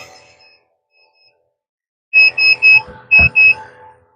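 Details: GCE Zen-O lite portable oxygen concentrator with a call-service error and weak or no pressure output: five sharp, high electronic alarm beeps after faint tones.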